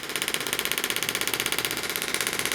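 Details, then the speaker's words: Pulse (pressure) wave therapy device demonstrated by a chiropractor, moved up to the outer elbow over the lateral epicondyle and common extensor tendon for tennis elbow; rapid, even buzzing taps about thirteen per second. "now if we were going to utilize this same treatment for tennis elbow we would move [Music] up and we'd be working right into the outer part of where the extensor"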